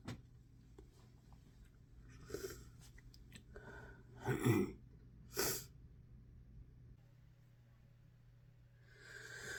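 Soft intake sounds build to two explosive sneezes in a quiet room.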